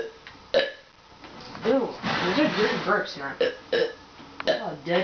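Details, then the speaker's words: Boy burping on purpose for the camera: several loud, drawn-out voiced belches with brief pauses between them; repeated burping. "yeah uh hey yeah I'm back more burps starting now"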